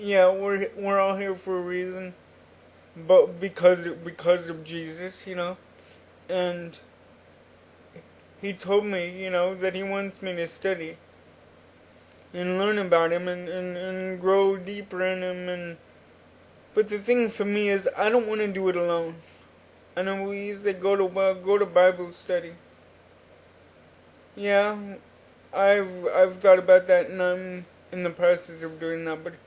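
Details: Adult man with cerebral palsy since birth, attributed to oxygen deprivation in the womb, wheelchair user, cognitively typical by his account; dysarthric speech in cerebral palsy.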